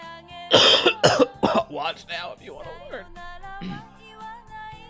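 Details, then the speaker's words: A quick run of about three harsh coughs, then a few muttered sounds, over steady background music: cough. "just got a little bit of a cough hear that [Music] I'll be okay part of life is coughing you know that's what they say"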